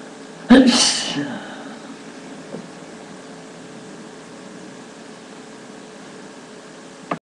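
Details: Person with allergies having a sneezing fit: one sharp, explosive sneeze followed by quiet with a low engine-like background hum; sneezing.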